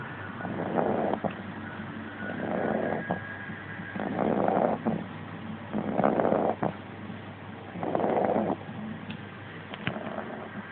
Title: Staffi, the snoring staffi pup